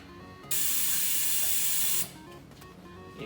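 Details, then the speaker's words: ELISA adult/pediatric ICU ventilator 45-second automatic system test checking flows, pressures, leakage, compliance, resistance: sudden loud hiss of rushing air about 1.5 seconds as the safety valve opens; ventilator self-test noise. "He's checking all the flows, pressures, leakage, compliance, resistance. This is also safety valve, this noise, also opening the safety valve and etc."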